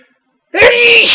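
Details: Male dusty sneeze: after silence, a sudden loud voiced "choo" drawn out with a hissing tail; a single sneeze.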